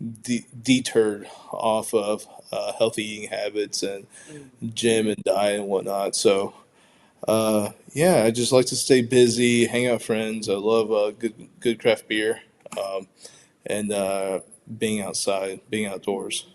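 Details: Adult man who identifies as a person who stutters, speaking spontaneously with audible word repetitions; stuttering.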